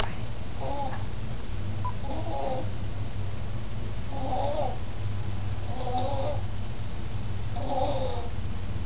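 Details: 5-month-old infant girl asleep while bouncing in a baby jumper: rhythmic, nasal, squeaky snores about every two seconds, roughly 34 a minute, over a low hum; snoring.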